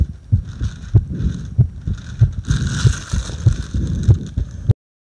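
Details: Heart sounds recorded while breathing into a paper bag: regular low thumps at about 97 a minute under heavy breathing noise.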